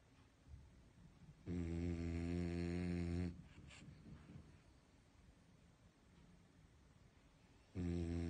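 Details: Calm, comfortable sleeping dog snoring: two loud, low, rumbling inspiratory snores separated by quieter breathing.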